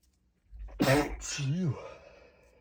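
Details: A sharp, muffled burst followed by a short voiced, rising-falling sound, consistent with a harsh sneeze held back behind closed lips; one of a series of stifled sneezes too strong to hold in.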